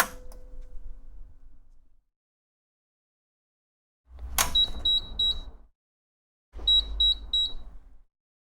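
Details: Mindray GS3 carbon dioxide insufflator powering on: two bursts of short, high electronic beeps in quick series, with a soft click and mechanical whir.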